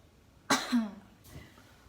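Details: Nursing demonstration of the effective cough technique for a patient with shortness of breath and phlegm she cannot bring up: after several deep breaths, one forceful cough burst with a short voiced tail.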